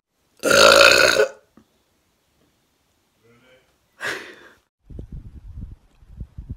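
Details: One loud, long, rough belch, then a shorter one, followed by low rumbling noise; burping.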